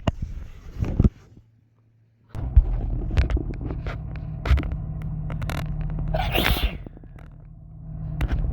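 One sharp sneeze burst over a steady low engine-like hum and rumble, with a short silent gap before it.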